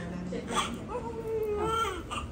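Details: Newborn baby boy crying just after hospital delivery at term: brief, thin, wavering cry with room noise; normal cry at delivery.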